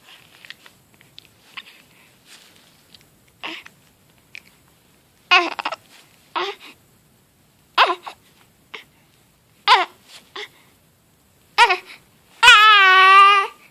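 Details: Infant hiccups: short voiced hiccup squeaks about once a second, each jolting the breath, then a brief fussy cry at the end.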